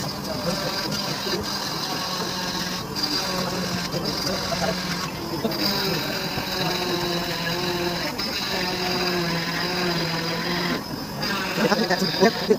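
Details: Steady high whine with shifting pitch as a cast saw blade presses and lifts, removing an ankle plaster cast 28 days after an accident-related ankle fracture, with room noise and faint talk; cast saw.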